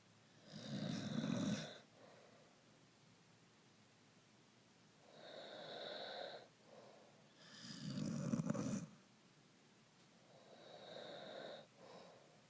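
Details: Corgi and owner snoring together: steady, low, rumbling snores roughly every five seconds, about 12 breaths a minute, softer snores between louder ones.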